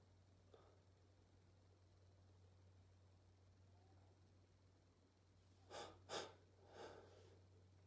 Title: Can’t stop sneezing these days !